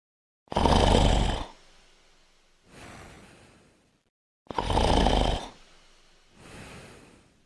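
Two loud, rough, rattling snores on the in-breath, each followed by a softer out-breath. Snoring.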